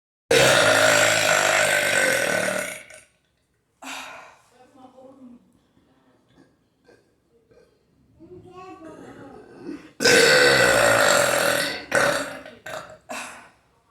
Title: ARROTO - DRINKING AND BURPS